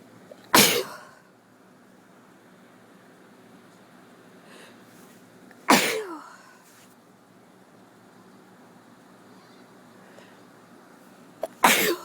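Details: Person with a cold sneezing: three sharp, explosive sneezes spaced several seconds apart in a quiet room.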